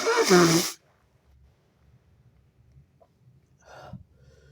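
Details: Stuffy person pinching the nose to trigger sneezing; one loud, abrupt sneeze followed by quiet breathing and faint sniffing, a single ordinary sneeze.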